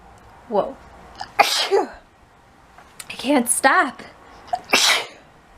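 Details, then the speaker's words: Person sneezes several times in a row, saying they need to sneeze: sharp, explosive sneezes with brief voiced catches of breath before them, in a quiet room. "The answer is Chris. Chris. Hey. Oh, no. I need to sneeze."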